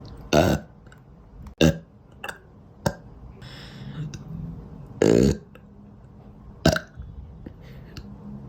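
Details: Uncontrollable repeated burping, five or six loud gurgling belches in quick succession in a quiet room; literally can't stop.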